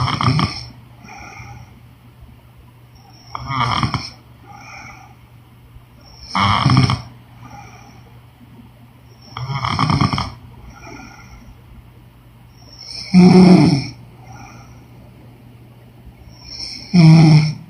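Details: Woman snoring, sound-effect recording with background music: coarse snores on each breath in, about 16 a minute, somewhat uneven in spacing, with softer breaths out between; snoring.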